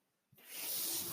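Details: Speaker's own mechanical ventilator breath during a podcast: a brief silence, then a steady rushing hiss of air as the ventilator delivers a breath.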